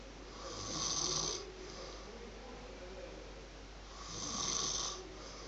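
Two slow, hissing, rattly snores on breaths in, about four seconds apart, over steady room hum. Snoring.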